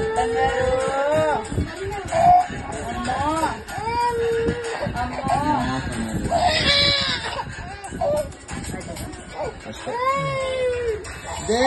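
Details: 9-month-old baby during ear piercing: distressed bursts of crying with whimpers over background music and room noise; ordinary crying in response to a brief painful procedure.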